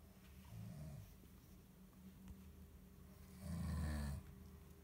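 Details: Soft, low rumbling snores from a sleeping cat over steady room hum, one louder than the rest; ordinary snoring.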